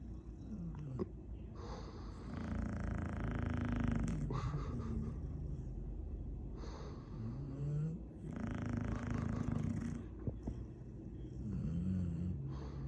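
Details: Snoring Chow Chow dog: loud, rumbling snoring with slow, regular breaths and a raspy, noisy inhale.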